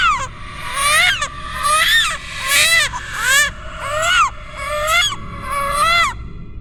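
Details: Simulated ghost-baby infant cry horror sound effect, designed with layered ambience, reversed textures and distortion: wailing, rising and falling cry in repeated bursts about one a second.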